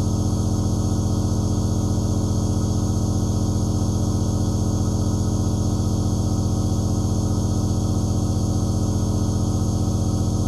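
Steady low mechanical hum with fast regular pulsing, about 180 a minute, from a running aerosol nebulizer compressor.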